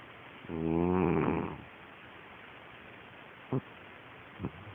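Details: A sleeping pet snoring: one loud, buzzing snore on a breath, followed by faint snuffles.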